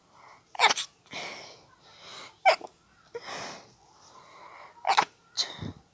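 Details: Stifled sneezing fit from a nose tickle, put down to allergies: four sharp, suppressed sneezes, each clipped short, with breathy inhalations between.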